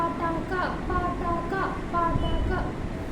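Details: Adult female patient recorded before voice therapy, repeating 'pataka' on the clinician's prompt; the clinician describes a feeble, soft, high-pitched voice and overall dysphonia.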